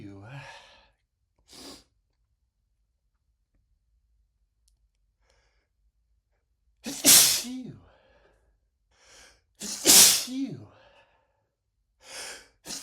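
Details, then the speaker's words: Repeated sneezing from a man (title marks M) after cooking with a lot of black pepper: gasping build-ups, then two loud voiced sneezes about three seconds apart, with snorts and sighs between. "God, it gets tough. You can't stop sneezing."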